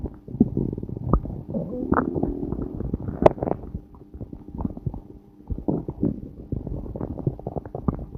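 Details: Low, continuous rumbling and gurgling with bubbling pops throughout: stomach growling from a person recorded while passing a lot of gas.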